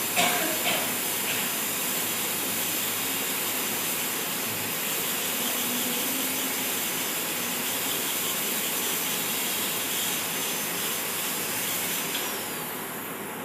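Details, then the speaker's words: Air-driven high-speed dental handpiece with a steady high-pitched hiss and whine, cutting tooth during an all-ceramic crown preparation demo; the angle is changed palatally to create the incisal bevel and continue incisal reduction toward the ideal 2 mm. "Okay, again I'll start off with incision reduction. Now I'm changing the angle, see, palatally, to create incisal bevel and reduce it."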